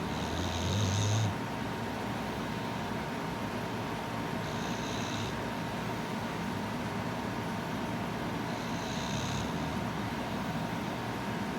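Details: A sleeping puppy snores softly in high whistling snores about every four seconds, roughly 15 breaths a minute, over a steady background hum: puppy snoring.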